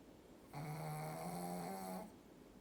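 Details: Snoring while napping: one sustained, buzzing, tonal snore lasting about a second and a half during sleep.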